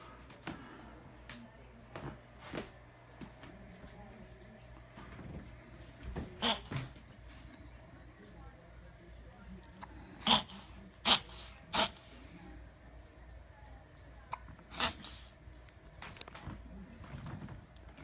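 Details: Cat makes several sharp, irregular snorting bursts; owner is unsure whether it is a reverse sneeze or an asthma episode: reverse sneezing or asthma episode.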